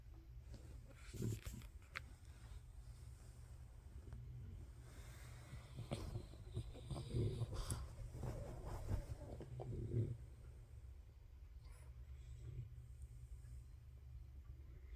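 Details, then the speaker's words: Sleeping dog snoring: soft, low rumbling snores with snorting breaths over a steady low hum. "the exquisite snore of Budgie, the blanket dog."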